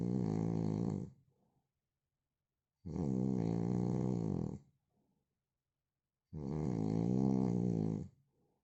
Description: Original sound of man snoring...